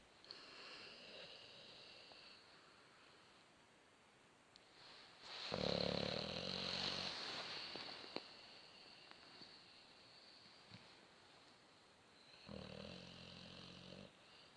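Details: Sleeping Boxer dog, half covered, snoring: two louder throaty, snorting breaths between softer whistling breathing in a quiet room.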